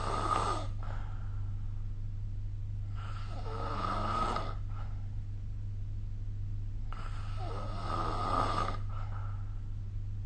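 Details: Snoring recorded with the SnoreLab app during sleep: slow, rough snoring breaths about every four seconds over a steady low electrical hum.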